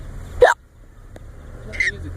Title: Fake Hiccups are Funny!